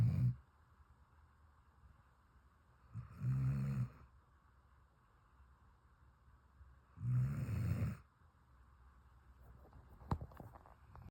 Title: Puppy Snores So Loud 😫 #snoringdog #sleepingdogs #spoileddog